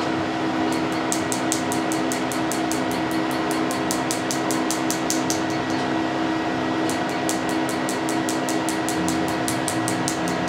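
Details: PicoSure picosecond laser, first tattoo removal treatment; patient feels it like a static shock with pressure, not pain. Rapid sharp clicks, several a second, in two bursts over steady machine hum.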